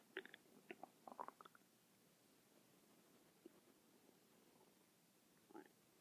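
Clusters of quick bubbly gurgles early on, a long quiet stretch, then another short gurgle near the end: stomach growling (bowel sounds).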